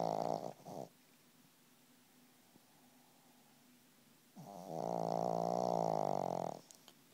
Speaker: do you have to do that right in my ear? Huh? You gotta snore right in my ear? Huh? Turn over.